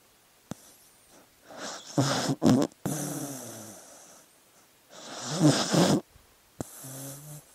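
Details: Sleeping dog: irregular snorting snores and noisy breaths, with a few brief clicks; snoring.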